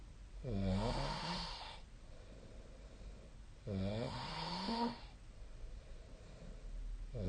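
Two loud, rattling snores on breathing in, about 19 breaths a minute, with quiet breathing out between them.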